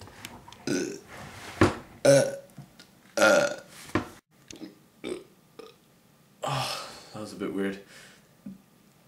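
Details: A run of loud, rough belches in quick succession, some long and drawn out, with brief voice sounds between them, during an attempt at 100 burps in 20 minutes; burping.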